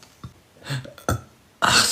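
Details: Man burping during a live TikTok stream in a small room: a low, throaty belch followed by a louder burst of breath or voice; burping.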